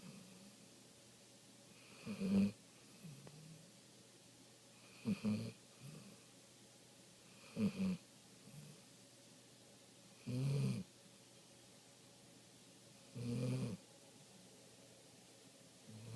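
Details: Golden retriever snoring while asleep: short snorting snores with a whistling edge, about 21 breaths a minute, some breaths double-peaked, over a soft background hum.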